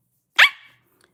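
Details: Barking vocal tic in an adult woman with Tourette syndrome, whose first noticeable vocal tic was a dog bark and who also had a throat-clearing tic; she owns a barking dog, so the source is uncertain.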